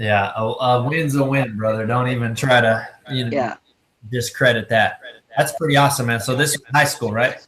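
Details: Adult male speaker; typical speech.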